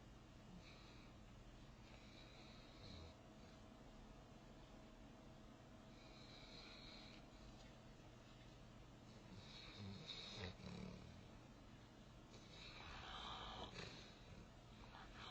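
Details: Newfoundland puppy asleep on a futon, snoring and dreaming: soft, rhythmic rattling breaths with a few snorts and small twitchy sounds.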